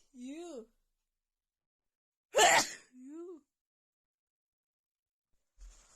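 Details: Female sneezing fit just after visiting a friend's home with cats: one forceful sneeze with a rising vocal intake before it and a voiced sound after, then quiet.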